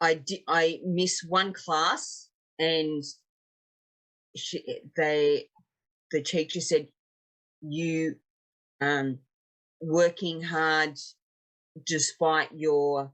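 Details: 56-year-old woman, a real stroke survivor, with aphasia after an ischaemic stroke 10 years earlier and a later TIA; aphasia.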